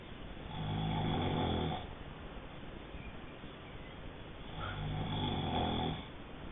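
Two loud, low, rattling snores on the in-breath with quieter breathing between them: snoring during sleep, about 10 breaths a minute.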